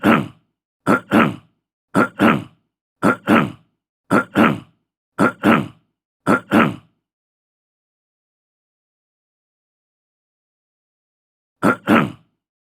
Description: Description: Throat clearing sound. Clear throat, short, male, fifty year old.